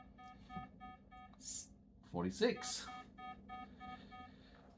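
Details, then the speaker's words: Bedside patient monitor alarm in an adult woman with 22q11.2 deletion syndrome during a migraine: repeated electronic alarm tones warning of low heart rate (bradycardia), sustained about 45 bpm. "These alarms are just difficult at best. I'll just turn it down a little bit. I got to have it high so I can actually hear the alarms and attend obviously if oxygen saturation drops or heart rate spikes."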